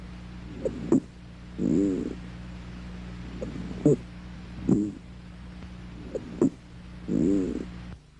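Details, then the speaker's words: Squawk on chest auscultation, a teaching example from a physical examination of the thorax. Described as recently identified in allergic alveolitis, easy to recognize and of high diagnostic value. "el gran nido que es fácil de reconocer y característico de estas situaciones es decir que tiene gran valor diagnóstico"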